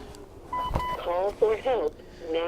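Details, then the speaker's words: AED switching on when opened: two short electronic beeps, then a recorded voice begins prompting, in a health care students' training demonstration. "I would do is I would open or open it up and it will start to talk to you"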